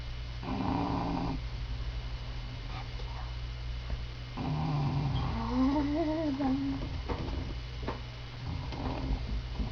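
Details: Bulldog Abigail snoring under a desk before being woken: low rumbling, fluttering breaths with occasional whistling squeaks during sleep over a steady background hum; snoring.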